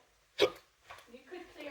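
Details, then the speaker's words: Male with sudden-onset hiccups during a sunny spring morning at home; he drinks water and asks to be scared to stop them. "I got the hiccups what I don't know all of a sudden I just got the hiccups"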